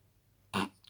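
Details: A night-time stifled sneeze: a single short, harsh, muffled burst of air after quiet, held back through a closed mouth or nose.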